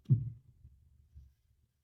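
Low, dull heart thumps through a stethoscope, a normal heartbeat on auscultation.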